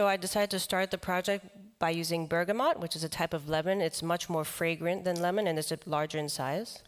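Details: Adult man with the neurological disease dystonia, which in his case causes uncontrollable neck movements and can affect other body parts; he reports having no real tone of voice; real speech: voice affected by dystonia.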